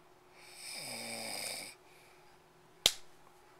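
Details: Husband snoring, recorded in 2010 on a Flip Video camcorder: one long buzzing, rattling snore on breathing in, followed by a sharp slap from his wife; snoring.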